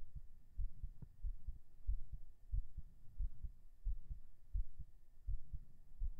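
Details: Binaural recording of a normal heartbeat right after 37 push-ups: steady, regular low thumps at about 90 beats a minute over a faint hum, mildly quickened after exercise.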